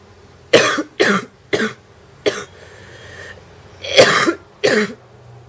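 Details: Mild wet barking cough from a girl while smoking: six short, harsh coughs in a quiet room with a barking, slightly wet quality.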